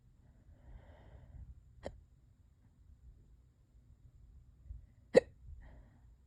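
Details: Worst-ever hiccups, lasting for hours and getting worse: two sharp, abrupt hiccup sounds a few seconds apart in a quiet room.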